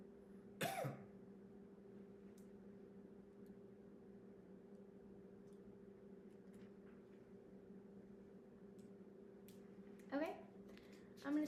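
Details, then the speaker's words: Adult asked to cough as normal during a cranial nerve assessment and bedside swallow evaluation: one brief, strong voluntary cough, then two short sounds over room hum; normal voluntary cough. "Now, I want you to do a cough for me just like you normally would cough."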